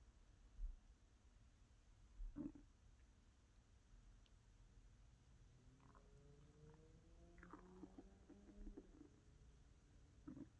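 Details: Low gurgles and drawn-out tonal rumbles from an adult woman's empty stomach, recorded for ASMR: ordinary hunger growling of normal digestion.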